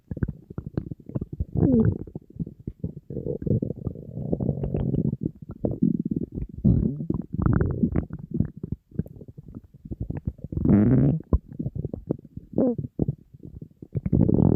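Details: Empty stomach of a hungry person on a diet, in front of food: near-continuous loud low rumbling and gurgling with bubbly squeaks. Borborygmi, ordinary hunger growling.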